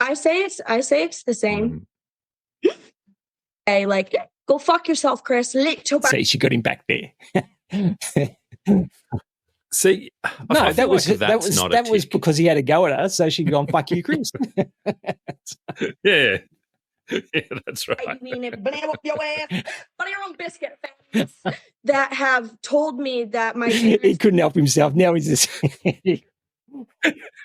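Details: Vocal tics with coprolalia attributed to Tourette syndrome in a female influencer, with audible swearing tics apparently triggered by an object she shows; the hosts doubt it is genuine and suspect it may be an act.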